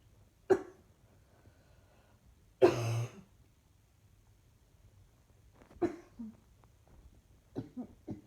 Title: Just simply coughing